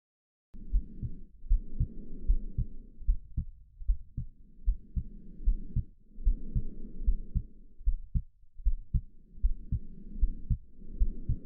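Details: Steady heartbeat at about 76 beats per minute, normal rhythm, layered with slow breath sounds, played as a soothing sound to help a baby fall asleep; normal heartbeat.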